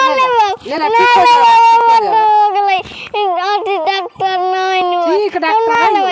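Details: Loud, high-pitched, continuous crying and wailing from a young child in distress while given a vitamin B12 injection in the lower back (kamar).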